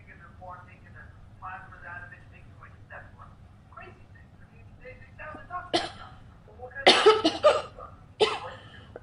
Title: girl hiccups and smoking with a little coughing